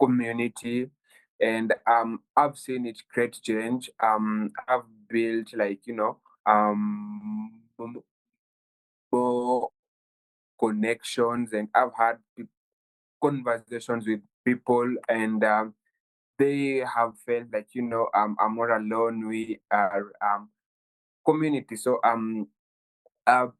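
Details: 23-year-old Kenyan man who has stammered since childhood, worsening at university; stuttering.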